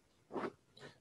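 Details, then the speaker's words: Imitated barking cough likened to a seal rather than a dog, described for a child who played in rainwater two days earlier, then developed cough and mucus, worse when crying: barking cough of croup. "y empezó con todos y moco y ahorita trae una tos de perro y ustedes lo escuchando ser así como y no es de perro sino de foca"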